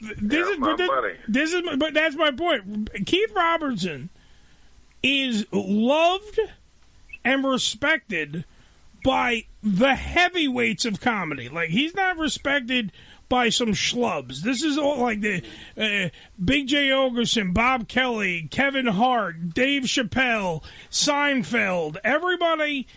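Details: Adult male speaker; normal speech.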